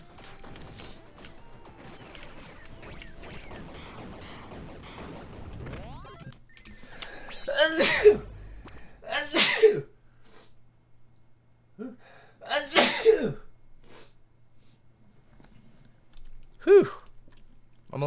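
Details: Several sharp explosive bursts, some with a quick breath in before, over soft background music, from a person who says he is sick, recorded mid-livestream: repeated sneezing.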